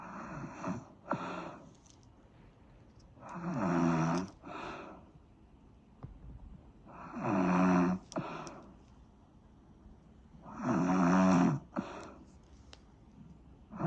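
Rumbling snores on each breath in, about 17 breaths a minute, each followed by a softer breath out, with faint room noise.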